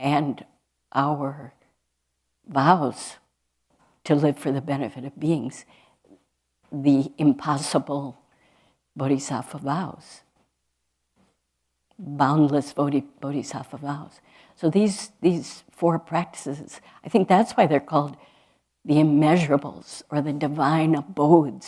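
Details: Adult woman speaking; normal speech.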